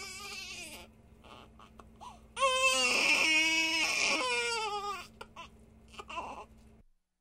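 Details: Infant crying sound effect: the baby fusses, then breaks into a loud, sustained wail before settling back to whimpers.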